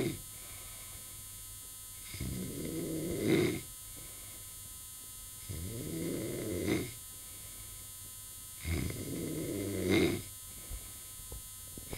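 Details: Snoring while breathing with all holes closed: three slow, rattling snores, about 18 a minute, each ending in a louder snort, over a steady electrical hum.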